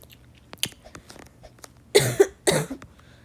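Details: Two short, harsh coughs over faint clicking and room noise, from a teenager who is sick with a cough, recorded while playing a game.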